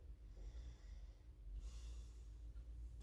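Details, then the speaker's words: Single deep, airy breath over a steady low room hum, taken on request during anterior chest lung auscultation with a stethoscope in a head-to-toe assessment. "okay so we're gonna do um your respiratory assessment now and listen to your lungs okay so i just want you to take a deep breath and know for me"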